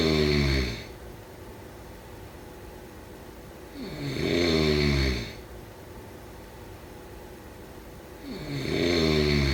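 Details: Loud, rattling snores repeating about 13 times a minute, with quiet exhalations between them, from a sleeping person; snoring.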